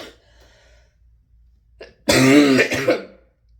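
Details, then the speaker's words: A single harsh, voiced throat-clearing cough from an adult recovering from a respiratory virus (possibly undetected Covid or RSV), after a faint breath: cough with throat clearing. "began to tell you why I sound like I sound and why I keep having to edit this to take out hacking coughs."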